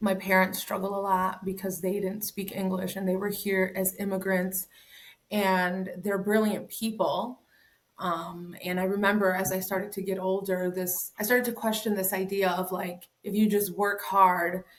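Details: Adult woman speaking; ordinary speech.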